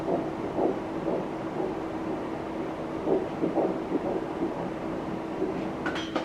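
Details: Faint, rapid rhythmic pulses of an early first-trimester fetal heartbeat (4–13 weeks) on ultrasound, about 120 beats a minute, under steady machine hum; the mother has hyperemesis gravidarum.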